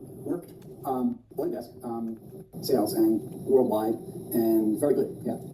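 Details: Real recording of a person with nonfluent aphasia and telegraphic speech, apparently a former sales director who had a stroke 10 years earlier with right-sided body impairment.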